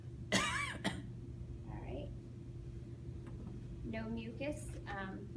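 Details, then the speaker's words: An adult patient sitting up during a nursing chest assessment gives a single short, dry voluntary cough on request with no wet rattle; no cough or sputum reported, breath sounds clear bilaterally, on room air. "All right. And can I get you to cough for"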